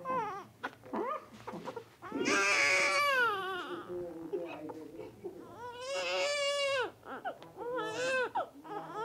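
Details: Infant crying.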